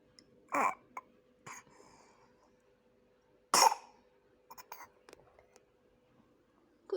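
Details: Ear-cough reflex (Arnold's reflex), set off by a nerve point in the right ear canal: a few short dry coughs and throat-clearing sounds in a quiet room.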